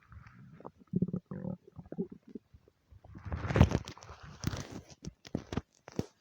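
Continuous low gurgling and rumbling with bubbling pops, ordinary bowel sounds from gas and fluid moving through the gut.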